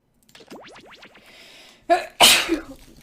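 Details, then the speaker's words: After a few playful sounds, a quick intake and then one loud, explosive sneeze from a girl wearing a headset, powerful enough to knock it off. "oh my headset flew off my sneeze was so powerful"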